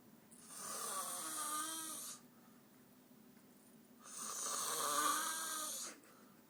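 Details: Adult female roommate asleep on a living-room couch just past midnight, snoring loudly enough to be heard from the bedroom: two long, loud rasping snores on inhalation with a quiet pause between.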